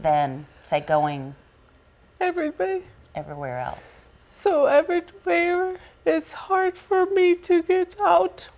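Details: Adult woman with aphasia after a stroke, a loss of language affecting reading, writing, expression and comprehension; aphasia.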